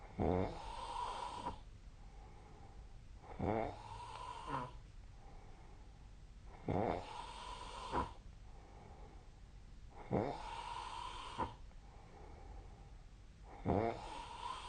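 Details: Snoring during sleep recorded with the SnoreLab app: regular loud, buzzing snores roughly every three seconds, about 18 a minute, with quiet breathing between.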